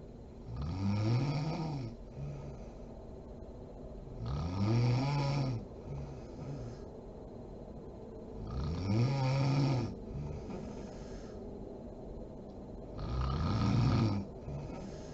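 Loud rhythmic snores on each breath in, about 14 breaths a minute, in a quiet room.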